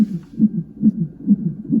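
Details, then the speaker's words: Fetal heartbeat on a hospital Doppler monitor during labor, with the mother having frequent painful contractions: rhythmic whooshing pulses, about 135–140 beats a minute. "You can hear heartbeat in the background. Where's it coming from? Very clear. I don't know. That little screen."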